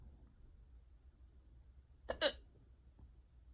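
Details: Unusually bad, persistent bout of hiccups: one abrupt, sharp gulping catch of breath in a quiet room.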